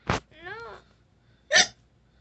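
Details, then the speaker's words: Girl with frequent hiccups, giving two short, sharp gulping bursts about 1.5 seconds apart with a brief voiced sound between; hiccups. "The hiccups were so bad in Georgia that her tongue would come out."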